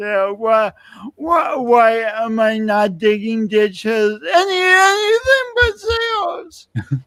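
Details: Adult man speaking; speech impediment.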